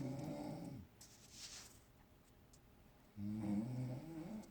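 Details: Mother snoring while asleep in a hotel room; two low, rumbling snores separated by a quiet pause, with faint room noise.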